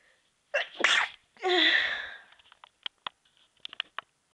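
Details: Deliberately made stifled sneezes: a gasping intake followed by a drawn-out sneeze, then several small clicks and puffs.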